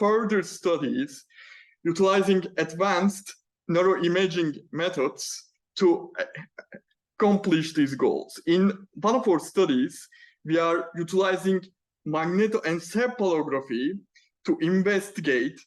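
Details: Male PhD student who stammers, speaking spontaneously in a Q&A without the self-developed fluency method he uses for prepared talks; stammering.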